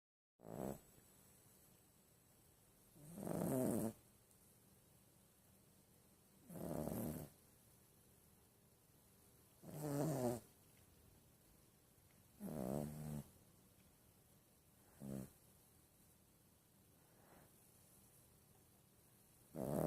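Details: 12-year-old Yorkshire Terrier snoring: steady rhythmic snoring at about 19 rough snorts a minute, each a short vibrating breath with quiet pauses between.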